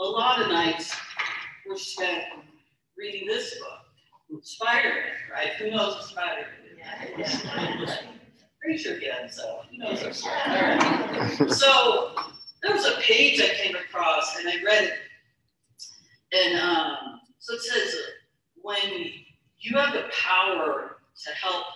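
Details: Adult woman with real, self-described stuttering, with the finding of stuttering.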